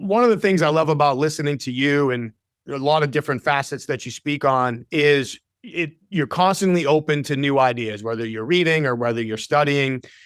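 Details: Adult man speaking; typical speech.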